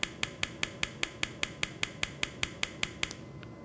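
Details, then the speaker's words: Acoustic rhinometer using sound waves to measure nasal passage size in adult male screened for sleep apnea, breathing paused: sharp evenly spaced clicks about 150 a minute. "all it's going to do is use sound waves to measure the size of your nasal passage okay you're going to hear a little clicking sound"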